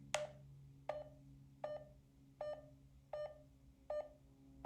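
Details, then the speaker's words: A pulse oximeter uses tone modulation, with a lower pitch for lower SpO2: regular short beeps at about 80 a minute, pitched low for an oxygen saturation of 85 percent; a low-saturation tone. "changing tones with changing spo2 is called tone modulation it sounds like this for an spo2 of 100 percent and it sounds like this for an spo2 of 85"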